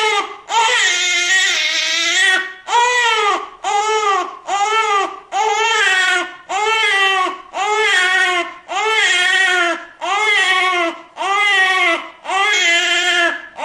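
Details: Newborn baby crying from a sound-effect recording: loud, rhythmic repeated wails, about eleven bursts separated by brief breaths.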